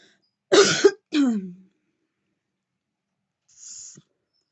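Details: Woman vaping with deep puffs: two harsh, dry coughs then a short exhaled hiss; irritant cough from inhaled vapor during repeated coughing fits.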